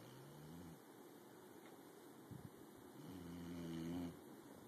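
Quiet, low, rumbling snores with a soft snort between them, over a steady room hum. Light snoring.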